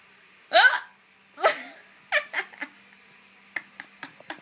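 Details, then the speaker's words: Woman with persistent hiccups she says nothing stops, not even drinking water: four or five loud, voiced, gulping hiccup bursts, some followed by fainter clicks. "No, con nada se me quita. Y lo peor es que es súper escandaloso mi hipo."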